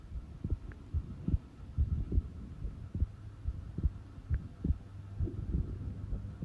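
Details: Resting heart sounds recorded at rest: regular low heartbeats at about 71 a minute over a faint steady hum; normal heart sounds.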